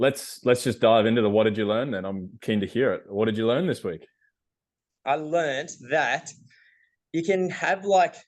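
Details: Adult men talking in a small room; ordinary conversational speech.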